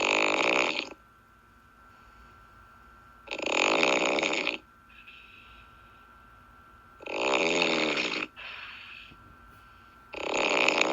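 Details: Snoring.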